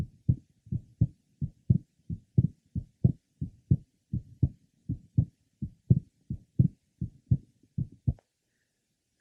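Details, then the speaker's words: 21-year-old man with normal second sound splitting, third left sternal border. Innocent grade 2 systolic murmur. "did you hear the innocent grade 2 systolic murma"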